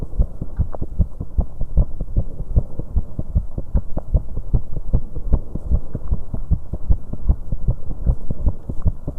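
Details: 19-year-old female's heartbeat after an exercise bike workout: fast, pounding and uneven, with premature beats (extrasystoles/PVCs) giving an irregular rhythm.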